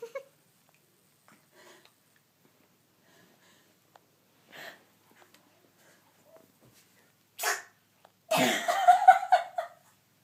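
Quiet sniffs build to a sharp sneeze, then a longer, louder noisy burst near the end, fitting a sneezing fit.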